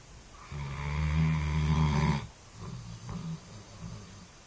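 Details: A long, loud, low vibrating snore lasting almost two seconds, followed by softer rumbling breaths; snoring.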